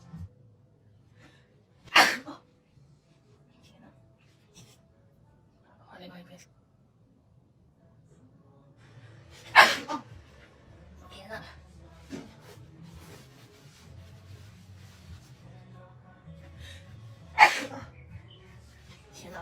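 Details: Three sharp, explosive sneezes spaced several seconds apart, triggered by a COVID-19 nasal swab test, with faint music and voices behind.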